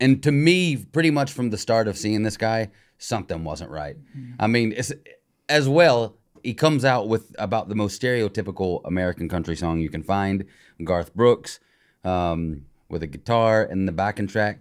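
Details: Adult male speaker; normal speech.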